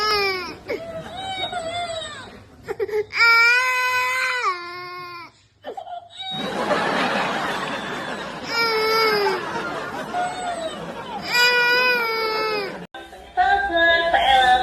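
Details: Baby crying: loud, wailing infant cries in long bursts with gasping breaths between them, with background music; ordinary crying.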